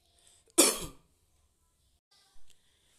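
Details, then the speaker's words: Demonstration of the effective cough technique: standing upright, inhale through the nose, exhale through the mouth, then inhale and hold one to three seconds, then a single strong, forceful cough to clear the airway. "Berdiri tegap kita menarik nafas dari hidung keluarkan melalui mulut dengan Cari debat bukan pada saat kita menarik nafas kita tahan selama satu sampai tiga detik Contohnya seperti ini"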